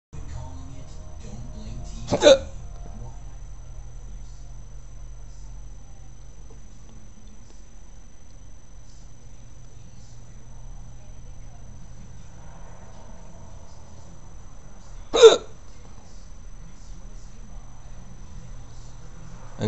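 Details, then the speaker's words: Recurrent hiccups, the fourth episode that day, lasting about 20 minutes: two sharp, sudden hiccups about 13 seconds apart over a steady low hum. "It's the 4th time today I've had hiccups. I'm so irritated. I can't even say I'm irritated without hiccuping."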